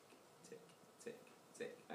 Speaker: okay it's literally like a second hand of a clock okay so this is so that will be in a metallic heart valve